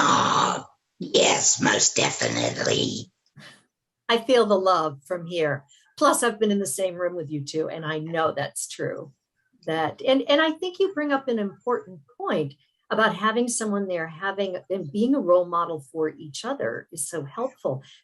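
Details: Adult host; typical speech.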